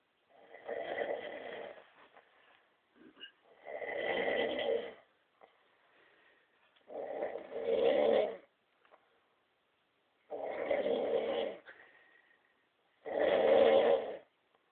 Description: This chap had only fallen asleep about 30 seconds before hand,the fuckin snoring out of him,the boys decided to have a bit of fun with him